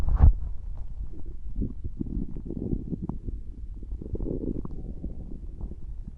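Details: Stomach growling from an infant's belly: low, irregular gurgling and rumbling from moving gas and fluid; normal borborygmi.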